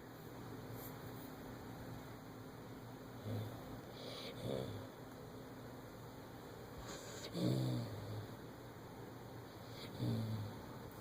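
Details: Female Siberian Husky sleeping with her tongue out: quiet, low, soft rumbling snores recurring a few seconds apart over steady room hum.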